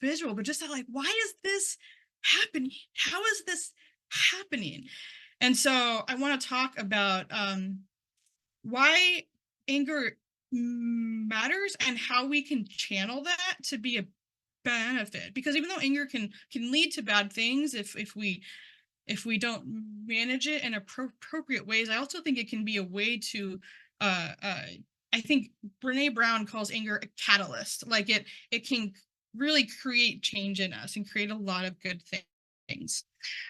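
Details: Man who identifies as a person who stutters, speaking at a stuttering conference; word and part-word repetitions are audible; stuttering.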